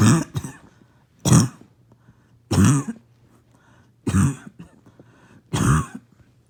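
Five harsh, hoarse single coughs a few seconds apart with quiet between, a barking cough typical of an irritated, swollen upper airway.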